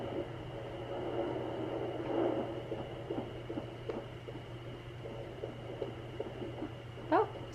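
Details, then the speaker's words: Home fetal Doppler on a pregnant woman's abdomen: faint rapid pulsing through a steady hum, fetal heartbeat around 130 then 148 beats a minute, with bumps from baby moving; usually around 150. "usually the heartbeats around like 150 right now I'm around 130 so I'm seeing if I can get a better better area"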